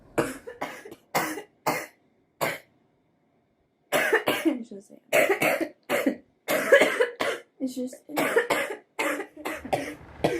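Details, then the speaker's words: Repeated harsh coughs in close bursts, a pause, then a longer run of rough coughing from a young woman smoker; a smoker's cough. "And then go take care of this smoker's cough."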